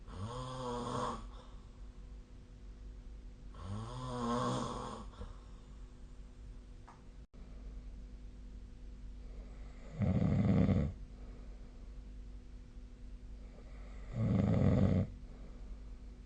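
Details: Person snoring in sleep, with the SnoreLab snoring app linked: four loud, rough snores about every four seconds, with quiet breathing between them in a quiet room.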